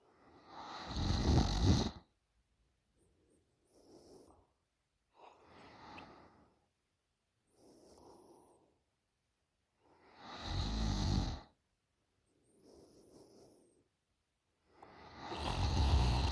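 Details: 20-year-old female snoring very loudly in sleep: loud rattling inspiratory snores alternating with softer exhalations, about four cycles in sixteen seconds.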